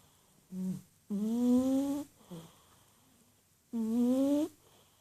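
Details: A cat curled up in a ball, deeply asleep and snoring: soft, rhythmic, humming snores on the in-breath with quiet out-breaths between; ordinary snoring.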